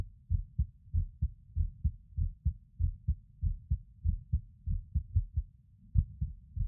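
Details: Male skipping heartbeat recorded while lying on his bed: low paired heart thumps near 95 a minute, with uneven spacing and occasional early or dropped beats.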